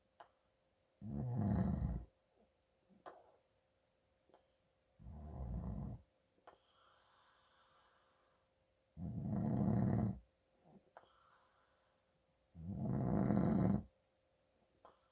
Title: My Dad snoring from congestion